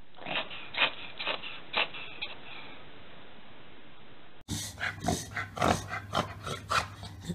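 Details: Repeated rapid snorting inhalations from a dog, typical of a reverse sneezing episode.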